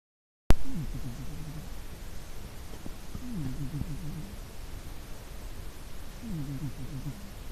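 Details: A cat snoring.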